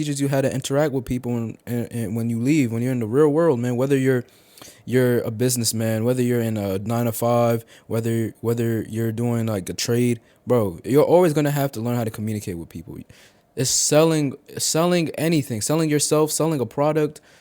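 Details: Man who stuttered heavily as a child and still stutters, speaking in an unedited single take; stuttering.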